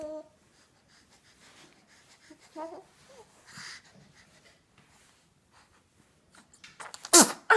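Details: Young infant: soft coos and quiet breathing, then one sudden explosive sneeze near the end.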